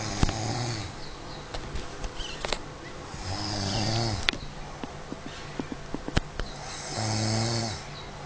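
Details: Snoring in sleep: deep, fluttering snores repeating every few seconds, about 17 a minute, with scattered clicks and room noise.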